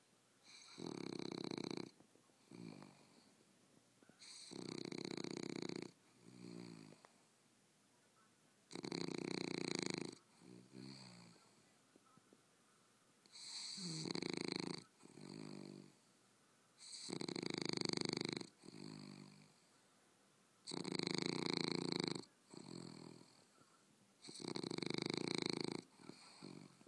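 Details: Loud, harsh snores from an English Bulldog resting on a couch, about 15 breaths a minute, each followed by a softer rattle; snoring.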